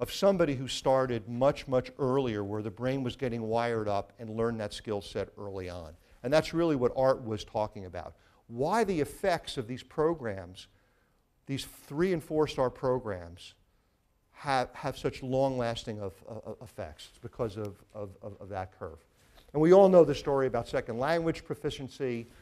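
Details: Severe stutter since childhood in a man, with father and brother also stuttering; speech therapy from age nine. He says his stutter is still audible a little; word and phrase repetitions heard. Finding: stuttering.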